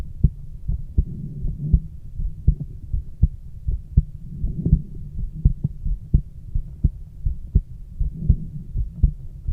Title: Heart exam of girl auscultated with stethoscope